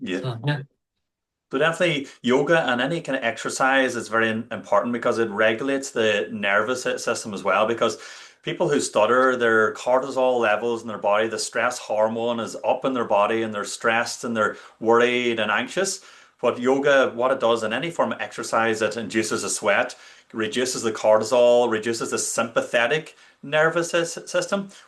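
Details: Adult male speaker; normal fluent speech.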